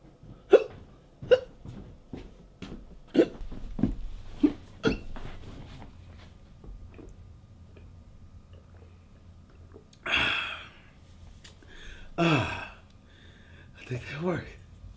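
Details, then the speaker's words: Acted hiccups in a comedy sketch: sharp, brief gulping catches repeating every second or so, then voices. "look man why don't you try to scare the hiccups out of me try to scare me man"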